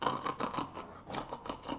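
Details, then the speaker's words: Reverse sneeze in a male dog that gets caught in repeated cycles: rapid, repeated rasping snorts. "is that gonna get you out of it you little snorty pig you little snorty pig"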